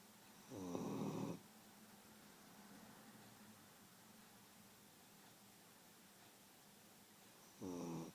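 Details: Beagle snoring in sleep: two loud, rough snores about seven seconds apart with quiet breathing between; owner says it gets even louder than this.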